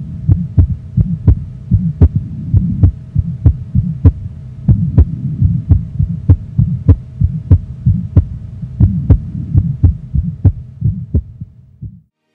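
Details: Young child's fast heartbeat with a soft, low-intensity, low-to-medium pitched vibratory mid-systolic crescendo-decrescendo murmur; innocent physiologic Still's murmur, softens on sitting or standing and with Valsalva.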